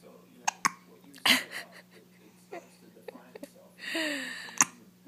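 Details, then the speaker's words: Baby boy in a good mood, smiling and smirking during hiccups: several short, sharp hiccup sounds with soft vocal noises in between; ordinary infant hiccups. "okay with those hiccups you're smirking at those hiccups yeah all right we'll leave you to finish these hiccups good job buddy man"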